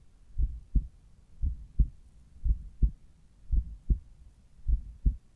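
Clear paired lub-dub heart sounds at the apex, steady at about 58 beats a minute, no extra sounds evident.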